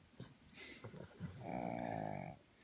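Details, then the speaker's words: Tired pug sleeping in a shady spot outdoors in a national park: a soft snuffling breath, then a drawn-out buzzing snore, with birdsong in the background. "So peaceful. Sound of the birds and a snoring"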